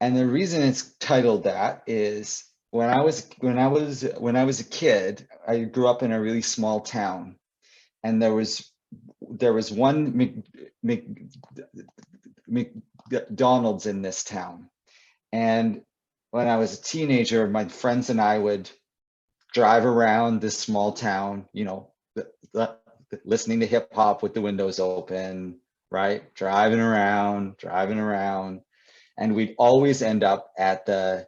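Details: Adult male poet and author who describes himself as a person who stutters, speaking with repeated words and fillers; stuttering.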